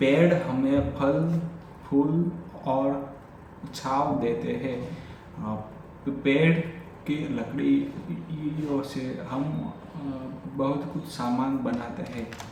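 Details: Adult male who has stammered since childhood, doing an unscripted Hindi sentence-making exercise during daily stammering practice — stuttering.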